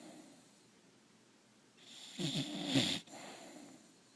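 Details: Bulldog sleeping contentedly: a single loud, rattling, snorting snore on an in-breath over quiet room noise; snoring from a flat-faced airway.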